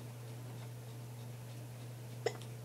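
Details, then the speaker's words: Baby with hiccups, heard at home after a parent returns from work in winter: a single short, sharp hiccup over a steady low room hum. "Do. You got the hiccups?"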